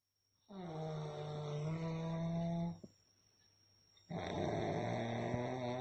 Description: Real sound of a snoring during a deep sleep.